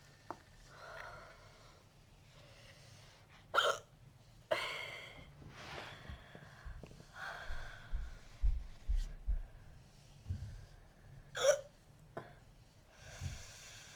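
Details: Burping that turned into an uncontrollable hiccup attack: sharp abrupt catches of breath with throaty gulping sounds, repeated several times in a short spell.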